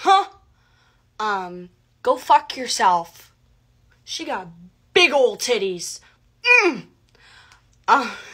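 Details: Woman with Tourette syndrome; vocal tics including repeated involuntary phrases and swearing (coprolalia). She reports that focusing on activities helps minimize her tics.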